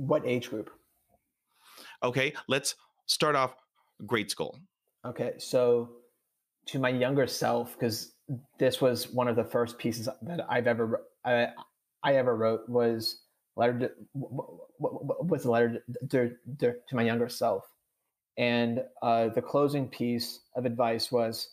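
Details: Adult who stutters and says he stutters on this recording; stuttering.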